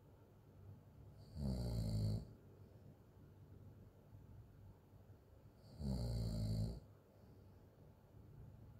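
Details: Adult snoring during sleep: two rough, rumbling inward open-mouth snores about four seconds apart, roughly 14 a minute, with quiet breathing between; ordinary snoring.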